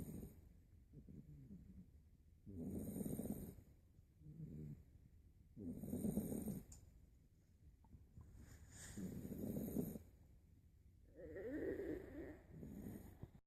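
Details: Eight-week-old puppy snoring in deep sleep after hard play: rhythmic, rumbling snores on each breath, about 18 per minute, with softer fluttering sounds between.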